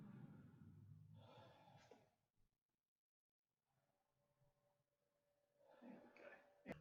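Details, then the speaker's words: Chest auscultation on a patient during an assessment: breath sounds with a thin musical whistle on breathing out, full-field expiratory wheeze indicating narrowed airways. "what we're hearing is full field expiratory wheeze that means there's difficulty g"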